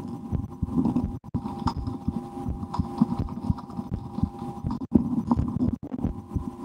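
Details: Own heartbeat heard through a stethoscope in an ASMR recording, with breath-holding and efforts to speed the heart, after a lunch with loud digestion: soft, muffled low thumps partly masked by rustling and body noise; normal heart sounds.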